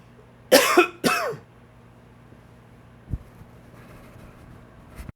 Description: Allergies kicking up...dry, wheezy cough...please comment, share, like and enjoy!